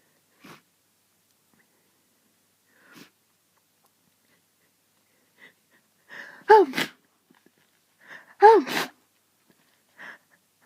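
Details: Two sharp sneezes, each after a brief catching in-breath, in a quiet room; repeated sneezing from hay fever.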